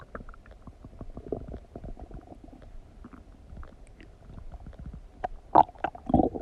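Frequent soft gurgles and clicks, with a few louder squelches near the end; ordinary digestive bowel sounds after a meal.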